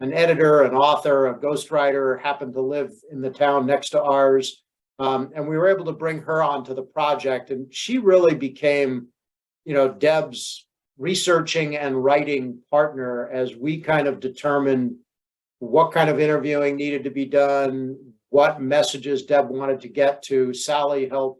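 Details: Adult man speaking; normal fluent speech.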